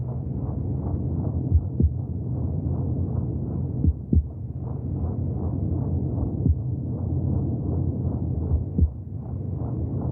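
Steady muffled low whooshing pulses under a deep rumble, with a few louder thumps; heartbeat sounds heard from inside the womb.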